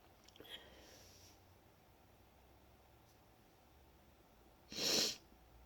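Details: Deliberately induced wet sneeze, nose itchy and tickly after a long break from inducing: one loud, sharp, wet-sounding sneeze after a quiet stretch with a faint sniff.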